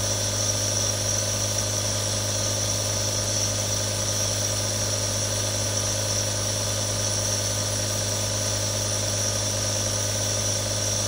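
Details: Real sounds from one of three different nebulizers: a steady mechanical hum and buzz of the compressor running continuously, with a faint hiss of aerosol.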